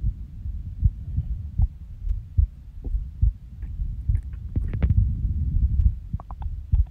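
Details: Irregular heartbeat with skipped beats: soft, low resting heart thumps with uneven spacing and occasional pauses, plus stomach gurgles. Recorded by the person themself just after waking from a nap.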